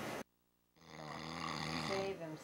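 A brief noise, a pause, then one long, rumbling, buzzy sleep breath: a snore from a dramatized scene.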